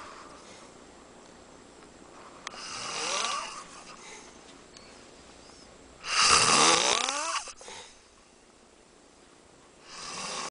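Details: An adult male friend asleep in a house in Tijuana, Mexico: loud, harsh, rattling snores on inhalation with quiet pauses between; snoring.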